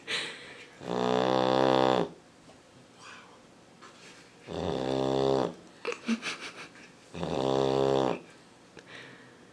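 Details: Sleeping female Labrador puppy snoring loudly, likened to a motorcycle: rattling snores on each in-breath, about 1 to 1.5 seconds long, three in under ten seconds, quieter breath noise between; owner wonders if she's clogged up; snoring.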